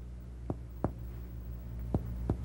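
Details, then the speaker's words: Four hollow, low-pitched taps percussed down the posterior thorax from apices to bases; resonant percussion notes, the normal finding over healthy lungs, during a respiratory exam. Steady background hum. "listen to the intensity pitch and duration of your percussion notes and decide what kind of notes you are hearing normal lungs are resonant"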